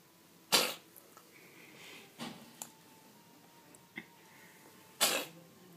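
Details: Two sharp, airy sneezes from a cat, with a softer snort between them, in a quiet room.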